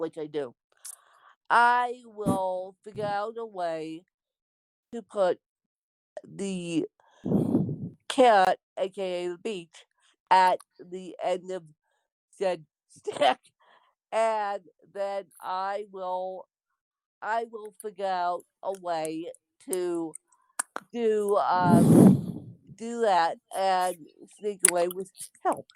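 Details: Speech of an adult woman with congenital cerebral palsy (born with CP), real speech; no specific speech disorder named.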